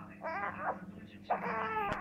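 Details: Infant during tummy time (lying prone) gives two short fussy wails with a clear, rising and falling voice; infant cry.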